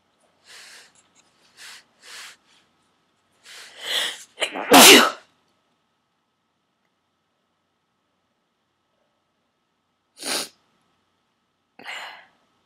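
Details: A run of sharp, breathy bursts building to one very forceful sneeze, then two more after a pause, near the end of 16-17 sneezes induced with a plastic garment tag holder; eyes streaming, nose raw and stuffy; repeated induced sneezing.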